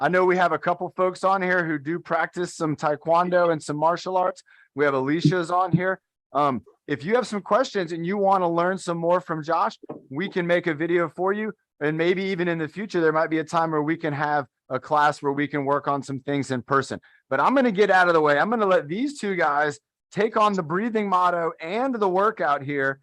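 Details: Adult speaker; normal speech.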